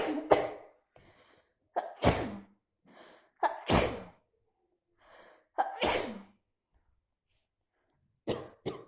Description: Yesterday,I stayed at the pool at the night,but the water is so cold,and in the middle of the night,I started to sneeze a lot with a tissue box,I spend 1 box in a day,I cant stop to sneezes and blow.